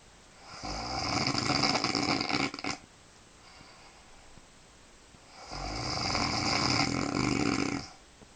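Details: Woman snoring in bed, as she does every night for a long time; two long, loud, rattling snores on inhalation with a quiet pause between; heavy snoring.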